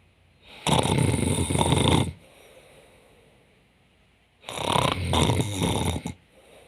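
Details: An awake woman pretends to be asleep and fakes snoring to see Jonathan's reaction: two long, loud, rough snore-like breaths about four seconds apart.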